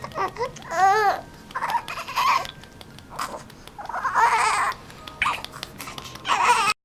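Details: Short bursts of fussy infant crying mixed with babbling, rising and falling in pitch, with faint room noise.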